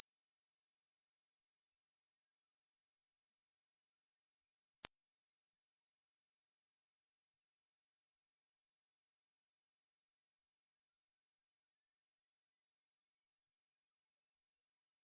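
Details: Hearing-age test audio: a pure high-pitched tone slowly sweeping upward in frequency toward the upper limit of hearing, testing how old your ears are.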